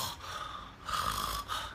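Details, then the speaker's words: Imitated open-mouth throat snoring: harsh, rattling breath noises made with the mouth open, contrasted with nasal snoring; this type can push the jaw back and lead to sleep apnea. "그 다음에 입을 벌리고 하는 목골이가 있습니다. 코골이는 우리가 흉내내면 하게 되고, 목골이는 입을 벌리고 하게 되면"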